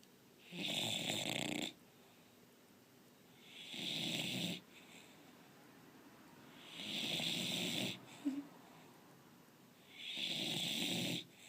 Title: TITA, english bulldog is snoring! (1)